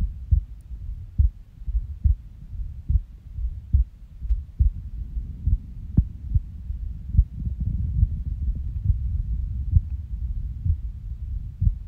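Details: Resting heartbeat recorded on waking from a nap, muffled and low near 70 a minute, with uneven spacing and gaps where beats seem skipped; irregular heartbeat with skipped beats.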